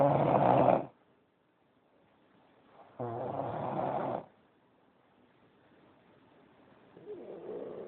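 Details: Rough, fluttering snores about every three seconds with quiet pauses between, from a sleeper; snoring during sleep.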